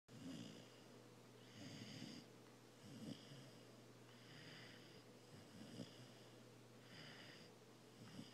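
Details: Loud snoring from a Cane Corso dog aged around 20 weeks, described as snoring like a freight train.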